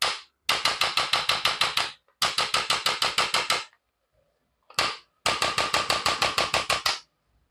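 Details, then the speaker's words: Chiropractic adjusting gun used on the knee of a patient with knee arthritis to correct alignment; bursts of rapid sharp mechanical clicks, about three a second. "The रोपट gun य gun से हम इनका जो align मेंट है य हम ठीक करेंगे"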